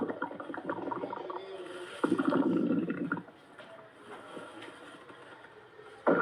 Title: Snowy stomach growls in his sleep